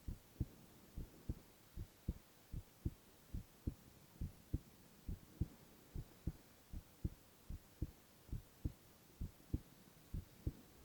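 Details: Male (boy) heart sounds in a silent, no-talking ASMR recording: soft, regular paired thumps, about 70 beats a minute, over faint hiss; steady, normal heartbeat.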